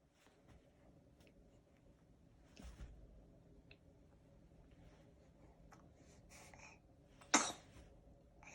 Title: Sneezed... https://vm.tiktok.com/ZMJTcd5Eg/